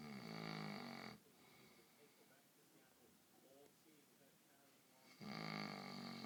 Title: Dad snoring